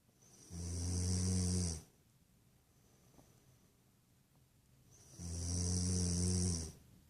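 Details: Two long, loud, buzzing snores on inhalation separated by quiet pauses; a person who denies snoring; typical snoring.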